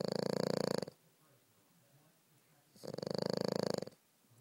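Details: French Bulldog sleeping: two loud, rattling, fluttery snores about two seconds apart with quiet between them. Snoring during sleep.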